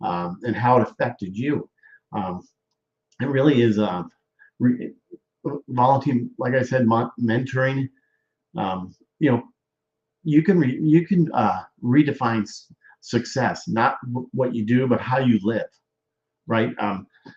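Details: Aphasia with word-finding difficulty in a male stroke survivor.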